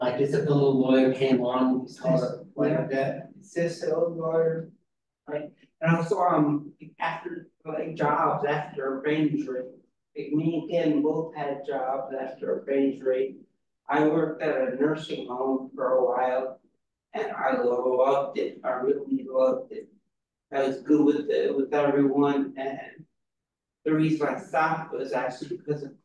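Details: Real adult woman with aphasia who is a member of an aphasia institute and helps train conversation partners; aphasia.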